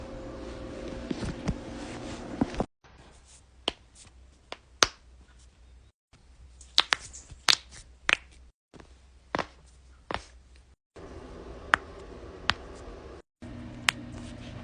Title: cracking joints compilation